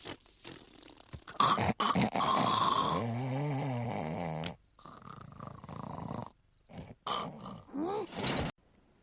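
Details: Cartoon snoring from The Simpsons (season 13, episode 10): loud, rattling snores with a deep growling rumble on the in-breath.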